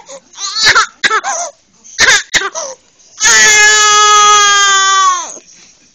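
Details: 6-week-old baby boy crying at night, hours of crying to be picked up: short bursts of crying, then one long sustained wail; ordinary infant cry.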